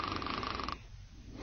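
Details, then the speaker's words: Simulated snoring: a loud, rattling, buzzy sound as the relaxed soft tissue of the upper airway vibrates with breathing during sleep. "as the muscles in the upper Airway relax the soft tissue begins to vibrate when you breathe this creates the audible sound of snoring"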